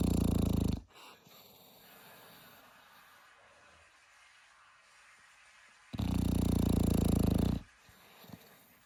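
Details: Sleeping dog gives two loud, low rumbling snores separated by several seconds of quiet breathing: ordinary snoring.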